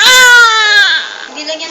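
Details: Baby crying hard while being washed and feeling cold: a loud, high, wailing infant cry trailing off into a softer whimper, an ordinary strong cry.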